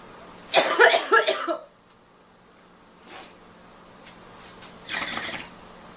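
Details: Coughing fit in a girl who is feeling unwell and needs to blow her nose: a run of harsh coughs in quick succession, then a softer cough and a second short burst.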